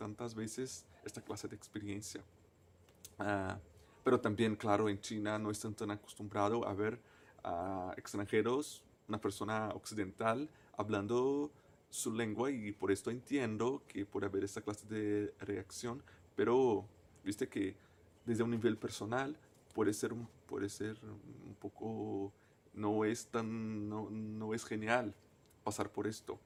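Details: Person who stutters, a native Portuguese speaker speaking Spanish as a foreign language, with word and phrase repetitions; stuttering.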